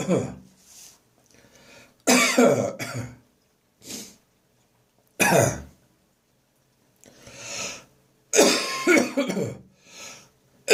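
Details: Adult with a persistent, recurring cough: repeated harsh coughing bursts with strained retching and gagging sounds and pauses between; cough provoking gagging.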